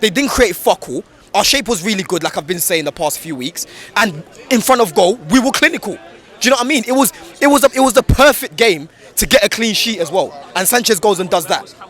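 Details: Adult male speaker; ordinary speech.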